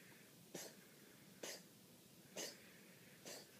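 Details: Cat recorded for its vet during a possible asthma attack: four short, dry, hacking coughs in quick succession, suspected feline asthma cough.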